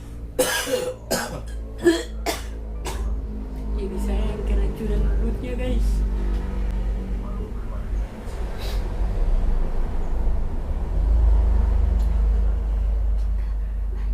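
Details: Husband asleep while his wife pranks him by pushing her armpit, unwashed for 3 days, to his face: several sharp coughs in quick succession, then low room rumble and faint voices; coughing during sleep.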